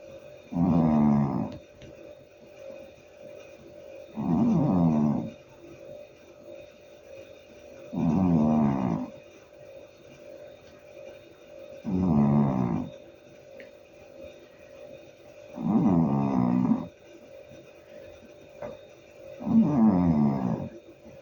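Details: Loud, rhythmic rumbling snores from a sleeping cat named Lenochka, about 16 per minute, each a few seconds long; snoring.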